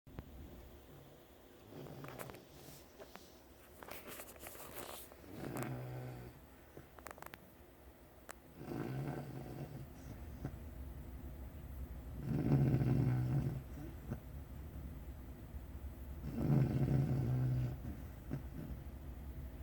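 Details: Snoring while sleeping under a desk: low rattling snores on the breaths about every four seconds, getting louder toward the end, in a quiet room.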